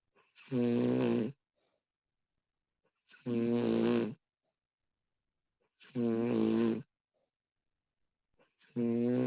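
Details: Woman recorded while asleep, extended one-hour recording: loud voiced snores on each breath, about 22 a minute, with quiet pauses between; snoring during sleep.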